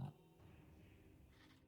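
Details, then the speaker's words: A pet dog snoring faintly in the background of a live online game session: a short low snort, then a steady low rumbling breath over quiet room noise. "I have no idea who's making that sound. Oh, that's my That's my dog snoring. Sorry."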